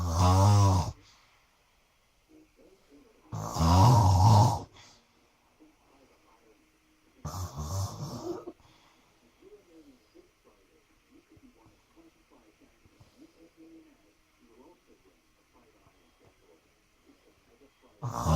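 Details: Loud, rattling inspiratory snores about every three to four seconds with quiet breathing between, heard at night and keeping the listener awake; snoring.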